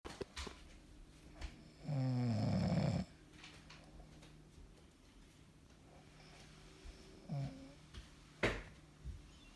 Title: Me snore.......